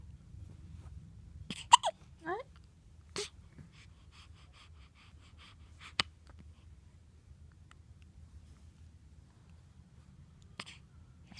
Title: Baby in hiccup!